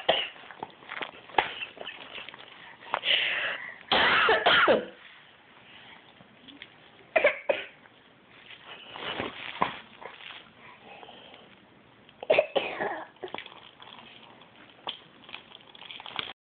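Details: 15-month-old boy imitating his parent's cough: repeated short, forced coughs and throat-clearing sounds, playful mimicry rather than illness.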